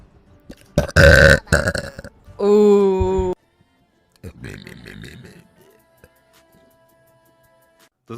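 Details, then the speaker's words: Female streamer burping in the morning soon after waking, having only drunk water and not yet eaten: a loud, rough burst, then a long, voiced, tonal belch of about one second, followed by speech and room noise. "Водичку только пью с утра уже рыгаю. >> Как проснулась, сразу рыгаю, блин."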